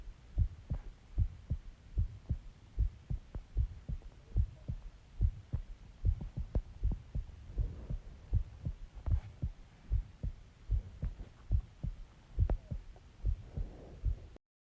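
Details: Person's heartbeat recorded after stomach recording, about an hour after eating eggs, ice cream and Coke: steady low thumping at about 75 beats a minute with a faint hum behind; normal heart rhythm.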